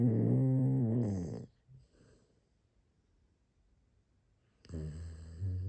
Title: I Don’t Snore